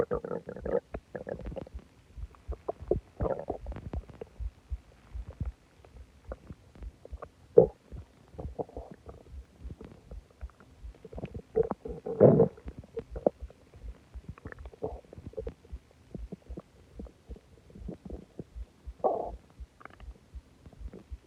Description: I ate a lot of food and drank a soda and my stomach went crazy